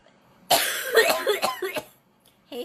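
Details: Adult woman with a cold or flu, runny nose and clogged throat, coughing repeatedly: a quick run of several harsh, slightly wet coughs in a quiet room.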